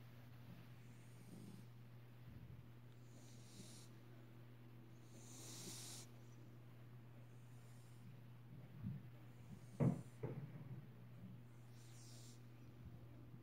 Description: Cat snoring